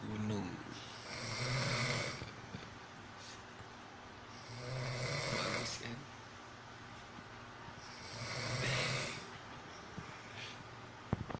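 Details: Rough, whistling snores, likened to a lovebird, on each breath in during sleep after being exhausted from work, about 17 breaths a minute with quiet exhalations between; snoring.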